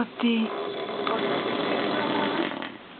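Loud, rough, rattling snore through a long breath, with a brief buzzing tone at its start; room noise behind.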